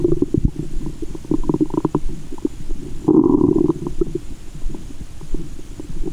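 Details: Loud, continuous gurgling and rumbling with some sloshing, picked up by a GoPro and stethoscope in the belly button after candy and fizzy Japanese soda while belly waves are made; active bowel sounds.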